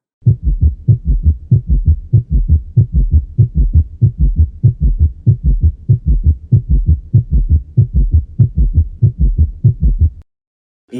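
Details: Summation gallop (merged S3 and S4 filling sounds) on cardiac auscultation: fast, regular low-pitched heart sounds with an extra merged filling sound, giving a galloping summation rhythm, presented as a sound representation alongside tachycardic rhythms.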